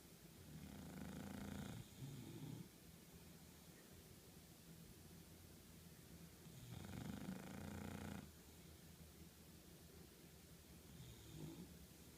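Loud, low rattling snores with each breath in, separated by quieter breathing out; snoring.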